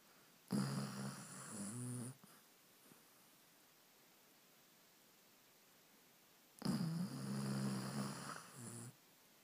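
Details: Dog snoring on a sofa in the evening after a busy day, recorded on an iPhone: two long, low, rattling snores about six seconds apart, each trailing into a softer flutter.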